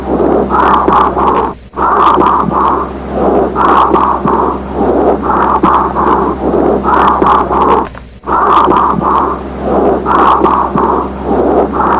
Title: WHISPERED PECTORILOQUY | BREATH SOUNDS | AUSCULTATION